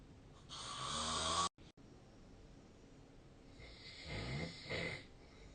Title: 🐽 本日のイビキ / Snoring Sleep Sound 2025/03/24